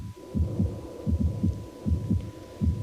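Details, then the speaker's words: Amplified heartbeat at about 80 a minute over a steady hum from a drummer wearing a portable 24-hour ECG recorder while playing intensely. Intervals vary slightly, a mildly irregular rhythm; unknown whether transient or persistent. "심장 박동에 약간의 불규칙한 면이 있는 것으로 보여집니다 이러한 것이 일시적인 이상인지 아니면 지속적인 것인지 알 수 없어 일말의 불안감이 남습니다"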